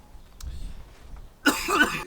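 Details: Actor interrupting a film take with one abrupt harsh cough burst and a rough trailing rasp; later reported all well with no polyps: cough.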